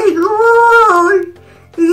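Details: Dysarthric vocalization of a newly learned word by a girl with cerebral palsy who also uses sign language.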